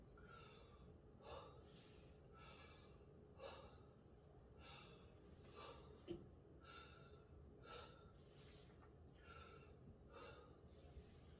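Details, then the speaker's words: Stethoscope auscultation of a 32-year-old man's back during a nursing respiratory assessment, repeated deep breaths; clear, smooth, no added sounds; loud, clear breath sounds in all four quadrants: normal breath sounds. "One more. Okay, and his breath sounds in all 4 quadrants were loud, clear, and his very normal lung sounds too in all 4 quadrants."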